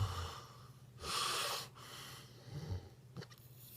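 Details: Snoring recorded July 2016: rough, rattling breath noise on inhalation in a quiet room.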